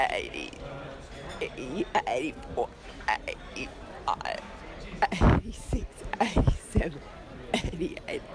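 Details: Adductor spasmodic dysphonia in an adult woman, counting from 80 to 89, recorded about 12 months before laryngoscopic diagnosis and before Botox treatment (untreated).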